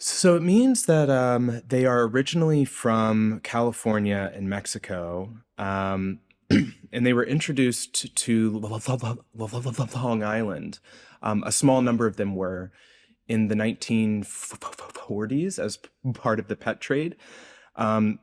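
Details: Adult male postdoctoral researcher, self-reported speech impediment audible throughout an interview; speech impediment (stuttering-like disfluency).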